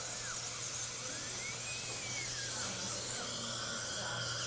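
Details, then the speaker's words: High-pitched whine of a dental drill rising and falling on the tooth: a 12-fluted multi-fluted finishing burr doing first polish and second-stage shaping of a filling. "Very nice to get your first polish. So I just use it as kind of my second stage of shaping the filling."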